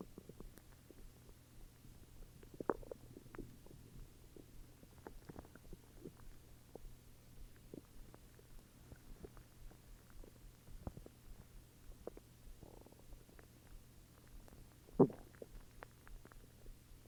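Faint, scattered gurgles and soft rumbles with a louder growl near the end; ordinary stomach growling.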